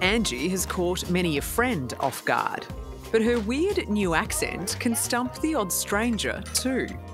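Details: Adult narrator voice-over with background music; ordinary speech.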